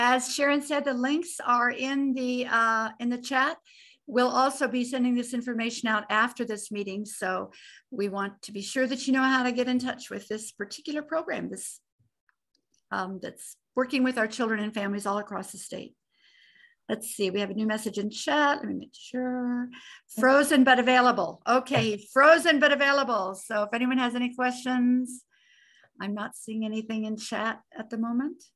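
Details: Adult woman speaking; normal speech.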